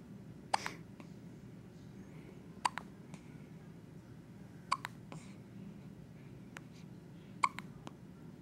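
Four brief, sharp hiccups about every two to three seconds, some with a faint after-click, over steady room hum; typical infant hiccups.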